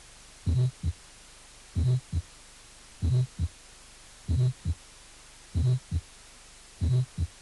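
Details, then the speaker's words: Innocent Still's murmur: brief vibratory early-systolic (protosystolic) murmur. "otro soplo proto sistólico breve inocente i 1 sopló prothom eso es histórico vibratorio de estilo inocente"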